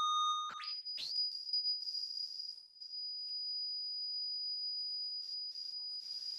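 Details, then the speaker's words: Classroom acoustics demonstration of a hearing test: a brief sweep, then a steady high-pitched 5,000 Hz pure tone held for several seconds, with classroom noise in the background. "Agradável o som, né? Isso aqui, pessoal, é 5.000 Hz."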